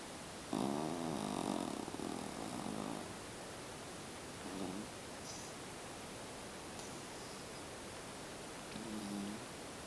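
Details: Soft rattling snores from a sleeping Jack Russell terrier puppy napping: one long buzzing stretch then brief quieter snores over steady room hiss; snoring.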